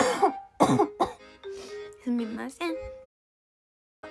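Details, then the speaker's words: Girl coughing repeatedly and saying her cough won't stop: a run of short, harsh coughs and throat clearing, then a few voiced sounds, with background music. "こんばんは。本当に咳止まんない。ごめんなさい。ごめんなさい。"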